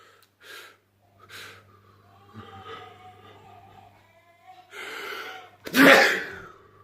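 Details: A couple of small nasal bursts, then a loud explosive sneeze with a sharp intake just before it, from a person who has been sick lately; sneezing.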